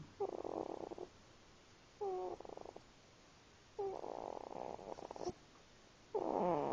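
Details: A cat snoring: soft, fluttering, rattly bursts on each breath with quiet pauses between them, ordinary harmless snoring.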